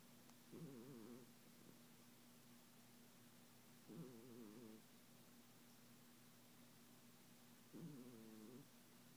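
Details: A sleeping cat snores in short, rough, fluttering bursts, about 16 breaths a minute, over a faint steady hum; snoring.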